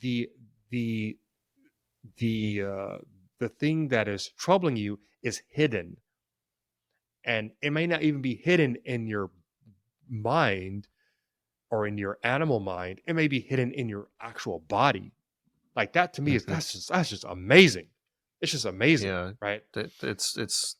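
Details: Stuttering in an adult man who has stuttered since childhood; he says it is situational, worse under stress and with authority figures, and links its triggers to past trauma.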